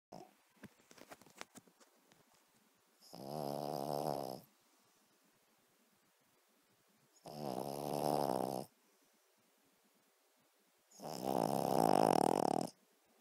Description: Cavalier king Charles snoring